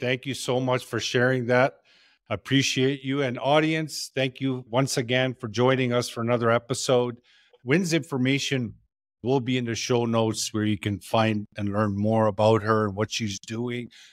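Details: Adult male podcast host; Normal speech.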